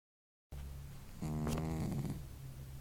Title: The cat that snores